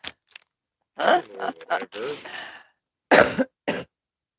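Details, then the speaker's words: Adult with bronchitis and sniffles coughs during a livestream, close to the microphone: several harsh, partly voiced coughs and throat-clearing bursts, a bronchitis cough. "i'm gonna pre-warn all of you if i cough at all throughout this livestream no worries i got this i have bronchitis and well it causes a cough"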